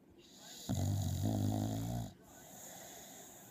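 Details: Long, low, rumbling snore on a single breath with faint room noise around it; ordinary snoring in a sleeping dog.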